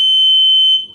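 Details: Invacare Platinum 9 (9 L) oxygen concentrator being switched on: a single steady high-pitched beep lasting under a second; normal start-up alarm.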